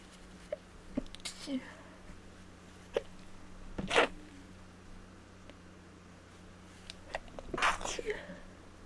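Quiet room with two forceful, explosive sneezes, each with a short intake of breath before it, and a few soft sounds between.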